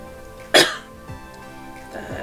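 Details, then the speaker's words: Single sharp, dry cough from an adult woman who says she is catching a cold and losing her voice, over soft background music. "dirais que je suis occupée de me choper la crève là. J'ai ma voix qui s'en va. Je tousse."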